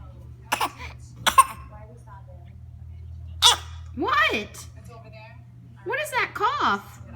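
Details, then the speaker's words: Short, sharp, deliberately faked cough bursts from a young child, with brief vocal sounds in between: voluntary cough. "what is that what's that cough what is that what you such a faker"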